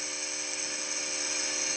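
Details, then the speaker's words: Steady high-pitched mechanical hum with constant hiss, fairly quiet, from a home air-compressing nebulizer producing mist through a mouthpiece for a child; nebulizer compressor running. "Nah yuk cobain majuin sayang nih kita tekan ya k.h. kan keluar asapnya ya bunyinya seperti itu ya jadi enggak terlalu bising banget sih"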